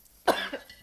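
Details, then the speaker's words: Coughing from adults smoking cannabis from a bong during a podcast. "Wow can you hear that dude if we start coughing I am so sorry I apologize"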